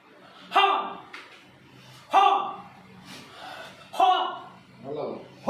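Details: Male patient with puberphonia vocalizing while raising and lowering his arm and holding his abdomen as directed by a clinician; puberphonia voice therapy exercise.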